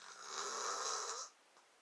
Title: FILMING MY DAD SNORING THANKSGIVING NIGHT *HE WAS SO MAD* (BAD IDEA)😱